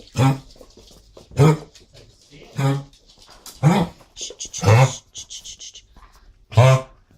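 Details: Dog coughing: about six harsh, hacking cough bursts a second or so apart, some with a honking edge. The owner soothes the dog afterward.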